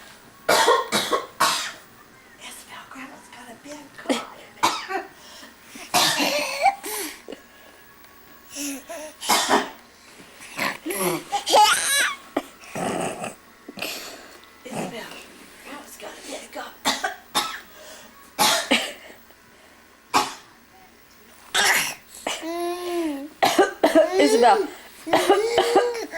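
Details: A grandmother and a young child playfully trade short, deliberate coughs, with chatter and laughter; voluntary cough.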